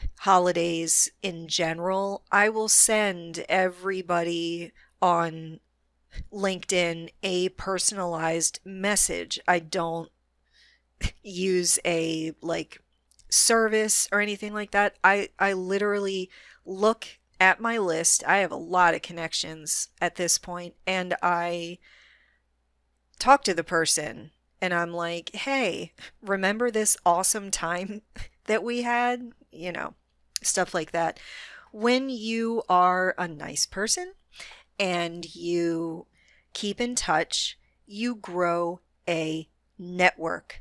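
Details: Adult female with a self-reported moderate, not severe stutter that she can control most of the time; stuttering.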